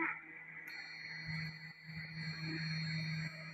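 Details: CADI-KL805 electrosurgical cautery generator being demonstrated: a steady high electronic activation tone starts and holds over a low machine hum.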